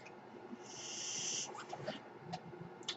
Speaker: that noise you're hearing is my ventilator